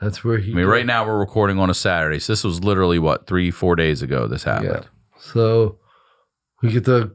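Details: Adult male speaker; ordinary speech.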